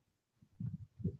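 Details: Quiet, low, rumbling snore fragments from a dog sleeping under a table, over faint room noise and talk: ordinary snoring.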